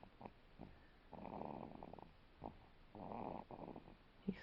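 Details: A one-month-old infant snoring during sound sleep: soft noisy nasal breaths with snorting rattles on each breath.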